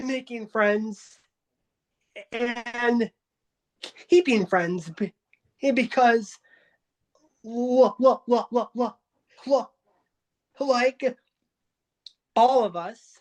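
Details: Adult who stutters, taking part in a stuttering support meeting, with repetitions and filled pauses; stuttering.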